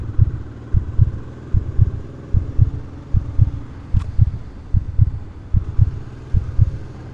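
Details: Steady, regular low lub-dub heartbeats at about 75 per minute over a soft background hum; a normal heart rhythm.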